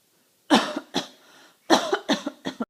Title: Bad cough with mama.